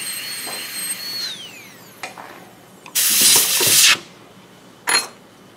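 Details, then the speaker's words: High-speed dental handpiece preparing an MOD ceramic onlay on tooth #18 on a typodont practice model: high-pitched whine winding down, then bursts of hissing drilling with water spray. "we're going to switch over to our high speed"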